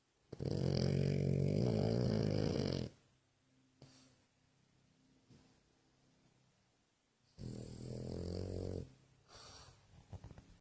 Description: my cute pug rodney snoring pupp